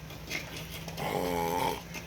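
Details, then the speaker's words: Sleeping man snoring: a loud, rough, drawn-out breathing rumble that ends abruptly as he chokes himself awake in shock. "That nigga choked himself awake. Almost choked himself woke."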